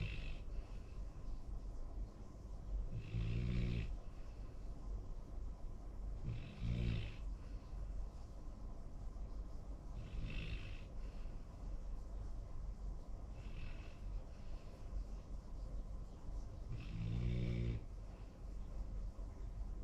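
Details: Snoring from a young Labrador–Golden Retriever mix dog: low rumbling snores on each breath, about five snore cycles at roughly 15 a minute.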